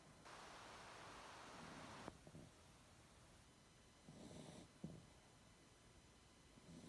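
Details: Female snoring, said to be louder than the owner's husband: soft hissing snore on the in-breath, then a quieter rough breath and faint snort against steady room hum: snoring.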